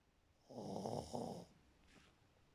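A single harsh, rattling snore of about one second on an in-breath, then a faint breath out; ordinary snoring.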